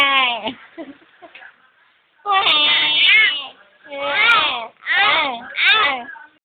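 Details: Infant with hiccups: several wavering, high-pitched crying bursts separated by brief pauses; no clear hiccup sounds are heard; infant cry.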